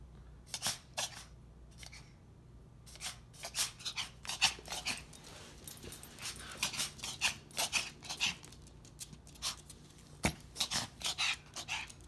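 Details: A 5-month-old puppy recorded for the vet during a coughing spell of short, harsh, dry coughs in rapid irregular bursts; owner suspects collapsed trachea.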